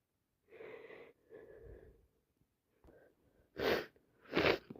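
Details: Person with a cold plus sinusitis and a stuffed nose who can't stop sneezing: two drawn-in breaths build up, then two forceful sneezes in quick succession.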